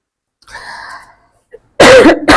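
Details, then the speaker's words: Adult woman with a cough and a hoarse, failing voice: a soft breath in, then two loud, harsh cough bursts. "Sorry guys, मेरा आवाज़ इसलिए बहुत ज़्यादा ख़राब है, मुझे बहुत दम लगा के बोलना पड़ रहा है क्योंकि खांसी हुई है, तो बीच बीच में मेरी आवाज़ भी चली जा रही है।"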